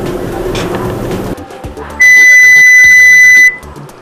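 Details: Audiometry hearing test with headphones, patient opening a hand on hearing each tone: background music and room noise fade, then a steady high-pitched tone for about one and a half seconds.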